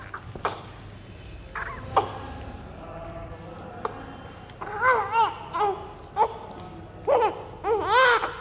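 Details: Short, high-pitched wavering cries and whimpers from a newborn during neonatal care and cleaning just after birth, over room noise with a few brief voices: a newborn crying.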